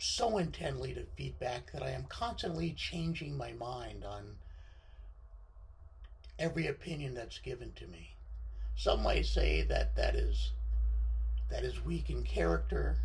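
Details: Adult man with left-sided unilateral vocal cord paralysis after surgery (partial left lung lobectomy); reduced voice control, with pitch jumping from very high to baritone and sometimes a scratchy voice; recognised by a thoracic surgeon from his voice.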